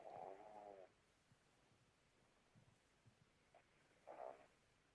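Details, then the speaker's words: Newly adopted rescue pug asleep, heard over a phone line: two loud, fluttering snore breaths about four seconds apart with quiet between; snoring. "Oh yeah, this is my dog's been snoring. Oh, that is so cute."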